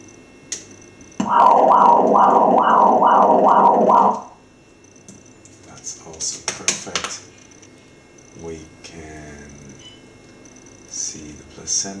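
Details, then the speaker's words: Ultrasound Doppler of the umbilical cord at 38 weeks of pregnancy, head-down fetus: rhythmic whooshing pulses at about 140 a minute, then quiet room noise; normal umbilical cord blood flow. "that's fine that's very good then we do have the flow in the umbilical cord"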